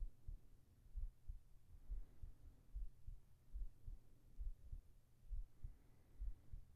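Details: Soft, steady low thumps in paired lub-dub beats at about 70 a minute over a faint hum: regular heartbeat in a binaural sleep recording.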